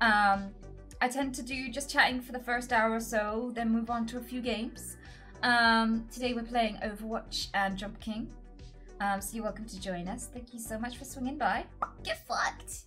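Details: Female streamer with Tourette syndrome who reports quite severe coprolalia and involuntary inappropriate words; a tic interjection occurs mid-sentence; coprolalia, a complex vocal tic in Tourette syndrome.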